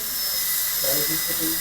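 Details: Steady high-pitched whine of a high-speed dental handpiece cutting a Class II box preparation on a maxillary premolar in a dental teaching course, removing excess near the adjacent tooth contact, with faint background talk.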